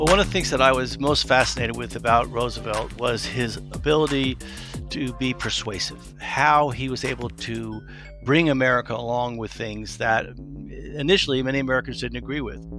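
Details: Adult male speaker; normal speech.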